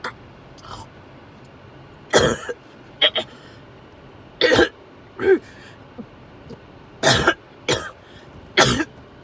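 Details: A person with fever who feels overheated and sick to the stomach gives about seven harsh, dry-sounding coughs in nine seconds, some short and throat-clearing, against a quiet background.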